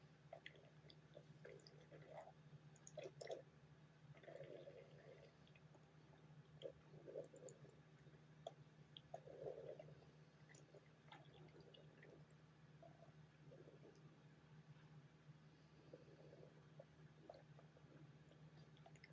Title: stomach growling 10